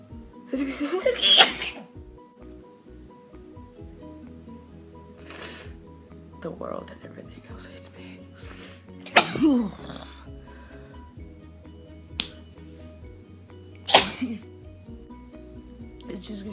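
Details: Sneezing fit that happens to this person a couple of times a week: several forceful sneezes in quick succession, with voiced cries between, over background music.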